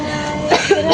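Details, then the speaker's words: Person with two days of cough that won't resolve, plus runny nose and very itchy throat, coughing; cough. "Eh kamu batuk-batuk kamu enggak apa-apa. Iya, aku udah dua hari ini nih batuk enggak sembuh-sembuh."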